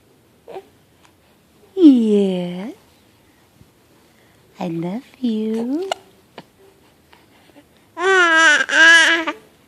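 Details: Baby boy with hiccups, seemingly startled by them: short bursts of infant crying and fussy vocal sounds with pauses; an ordinary baby cry.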